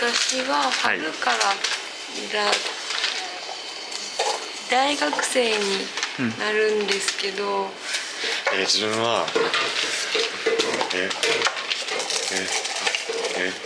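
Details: Stuttering in a young male student working for a day at a cafe staffed by young people who stutter.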